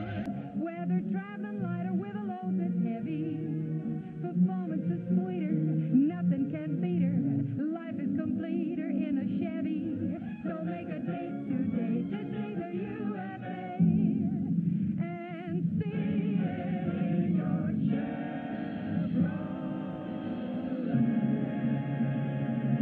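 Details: Simulated sensorineural hearing loss: the sung jingle "See the USA in Your Chevrolet" sounds muffled and dull with the treble stripped away, showing reduced sound sensitivity and clarity at different levels of hearing loss.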